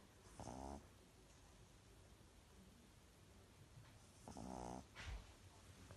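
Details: Two loud, buzzing snores separated by quiet breathing from Casper, a baby pug (small flat-faced dog), with soft room noise behind; snoring.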